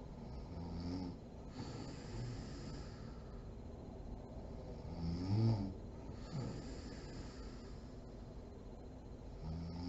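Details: Mother (adult woman) asleep: low rumbling, irregular snores, roughly 13 breaths a minute, with a few louder snorts; sleep snoring.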